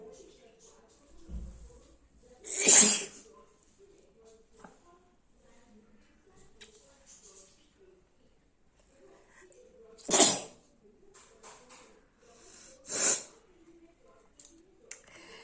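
Three sharp, explosive sneezes separated by quiet pauses; ordinary sneezing.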